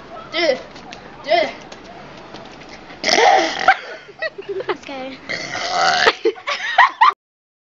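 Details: Several loud, voiced belches from an adult, some long and drawn out, with brief vocal sounds between them: burping (eructation).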